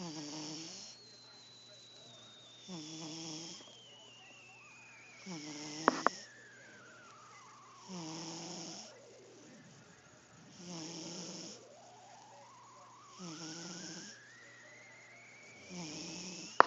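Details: Cat sleeping: soft, regular snores, about seven breaths in 16 seconds (roughly 25 a minute), over a steady high background tone.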